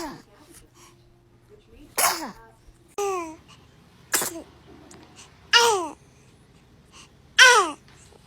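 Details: Baby sneezing: five small, sharp sneezes, each a brief high burst, with quiet pauses between them.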